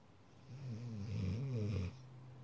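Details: Sleeping dog: a single drawn-out, low rumbling, almost human-sounding snore lasting over a second, over a steady low hum: snoring.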